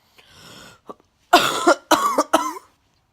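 A breath in, then three sharp voiced coughs close together.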